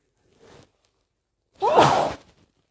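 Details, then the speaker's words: Person announcing "I need to sneeze" repeatedly, then a soft intake of breath, a pause, and one short, forceful single sneeze. "Oh, I need to sneeze. I need to sneeze. I need to sneeze again."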